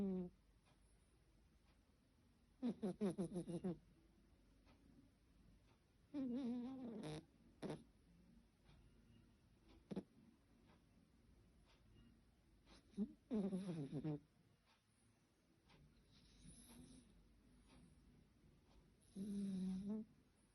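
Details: A 10.5-year-old female cat snoring: soft snoring bursts recur about every few seconds in a quiet room, with faint clicks between them.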